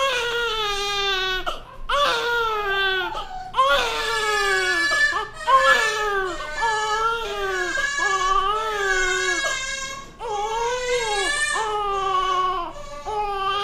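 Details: Newborn baby crying loudly and continuously in long, tuneful wails with brief gasping pauses for breath.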